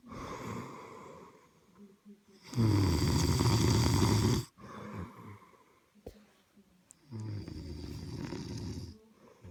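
Loud, coarse, rattling snores on the in-breath, with quieter breathing between them. Typical snoring.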